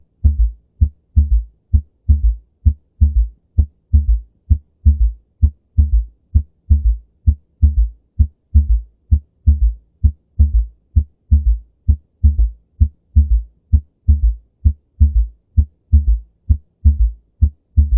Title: The Third Heart Sound ( S3 Heart Sound)